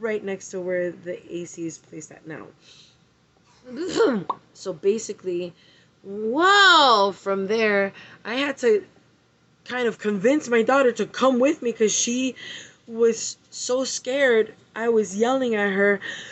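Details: Woman with Tourette syndrome having tics while recording; vocal tic (Tourette syndrome).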